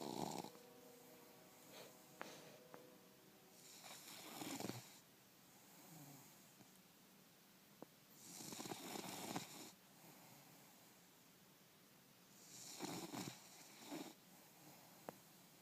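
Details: Sleeping bulldog: rough, rattling snores about every four to five seconds, roughly 14 breaths a minute, with snorty noise between them; snoring.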